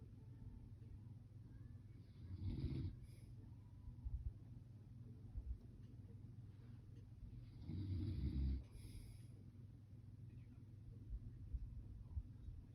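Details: Man asleep snoring: two low, rumbling snores about six seconds apart over quiet room noise, about ten breaths a minute; snoring.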